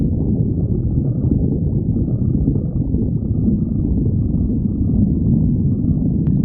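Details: Stomach growling (borborygmi): a continuous low, bubbling rumble with a gurgling, rolling texture throughout.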